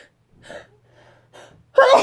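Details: Soft catching breaths build up, then a sudden loud sneeze bursts out; a person filming in their room.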